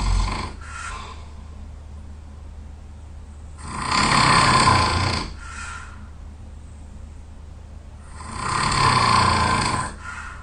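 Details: Heavy, loud, rough snoring from a very tired sleeper, about 13 breaths a minute, with quieter breathing between snores.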